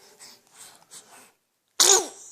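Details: Infant sneezing: soft breathy sounds, a pause, then one sudden sharp hissing burst.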